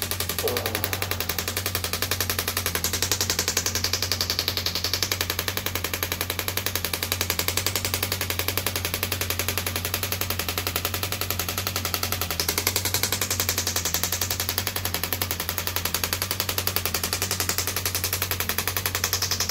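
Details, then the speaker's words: A radial shockwave therapy device treating an arm wrestler's triceps: rapid, steady mechanical tapping at several pulses per second over a constant low hum. The patient says it feels like somebody tapping really deep. "It feels like somebody's tapping really, really deep."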